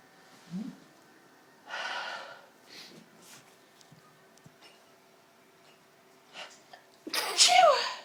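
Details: Sneezing fit after smashing a pepper pot and inhaling ground pepper while clearing it up: a run of sneezes with sharp gasping intakes between them, ending in a loud sneeze burst.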